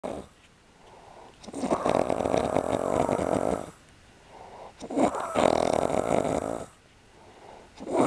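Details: Adult man snoring at night in a shared room on a trip, recorded as proof because he denied snoring: loud rough snores on each breath in, every three to four seconds, with quiet breaths out between.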